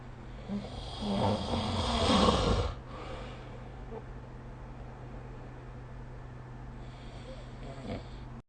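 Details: Snoring recorded with the SnoreLab app: one loud, rough snore on an in-breath, then quiet breathing and a fainter second snore over steady room hum.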